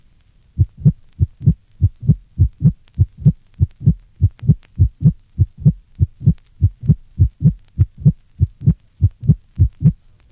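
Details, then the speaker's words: Patient with systolic and diastolic hypertension, recorded at the aortic area: regular heartbeat with a loud, ringing aortic second heart sound (loud A2). "this recording is taken from a patient with systolic and diastolic hypertension note the Timbre quality to aortic valve closure"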